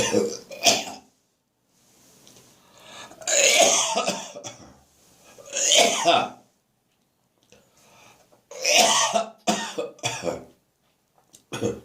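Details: Repeated harsh, wet coughing bursts with throat clearing and gagging until phlegm came up; productive cough with gagging.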